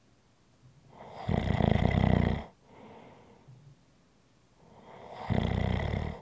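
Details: ASMR relaxation recording of ordinary snoring: two loud, low, rattling inhaled snores, each followed by a softer breath out.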